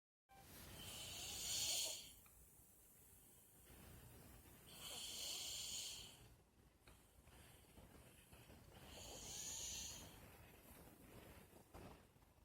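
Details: Snoring recorded April 24, 2018: three hissing, high-pitched breathy snores about 4 seconds apart, roughly 15 a minute, with quiet breathing between.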